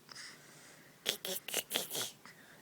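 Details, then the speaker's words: Baby with hiccups: several short, abrupt, breathy catches in quick succession in a quiet room. "Hi, baby. Ah, do you have hiccups?"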